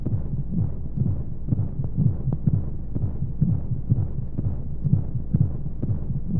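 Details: Baby sleep-aid womb sound with white noise: muffled, steady low thumping heartbeat, about 125 a minute, under a constant low rushing noise.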